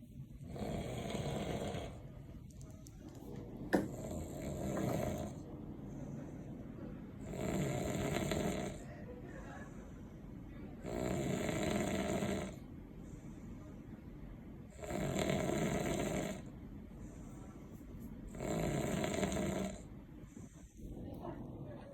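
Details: Person snoring heavily while sleeping: loud, rough snores recurring regularly, about 17 breaths a minute, with quieter breathing in between.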